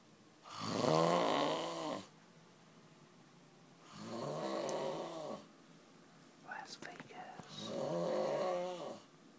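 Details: Adult man asleep in Las Vegas after 36 hours without sleep: loud, rattling, fluttery breaths about 17 times a minute, with a brief rustle between two of them; snoring.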